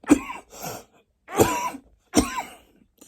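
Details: Three hoarse coughs with throat-clearing follow-through in quiet surroundings; persistent, near non-stop cough on the day of recording, a tired person using a cough sweet before bed.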